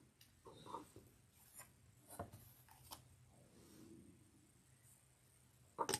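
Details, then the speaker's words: Faint, drawn-out low gurgle rising and falling amid quiet scissor and fabric sounds during a sewing demonstration; speaker asks if you can hear her stomach growling, ordinary borborygmi. "Can you hear my stomach growling? There's a growler in the room."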